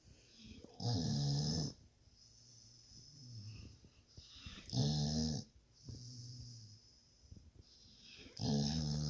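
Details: Sleeping dog snoring: deep, rattling snores about every four seconds with softer exhalations between them.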